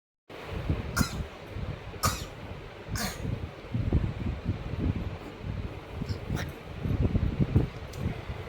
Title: my daughter # my world 🌍❤️ coughing for 😊